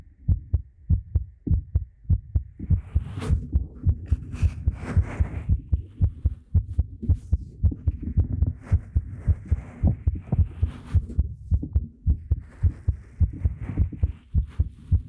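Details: Heartbeat in a binaural talking-ASMR roleplay recorded with a 3Dio Pro microphone: steady low thumping at roughly 100 beats a minute, with soft rustling and whispery background noise.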